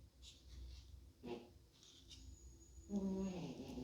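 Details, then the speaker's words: Dog snoring: low, rumbling, buzzy breathing noises rising and falling in a quiet room, ending in a louder rattling stretch; described as pretty loud. "I don't know if you all can hear that that's Maggie snoring I don't know if if it's loud enough to come through but she's pretty loud she's snoring"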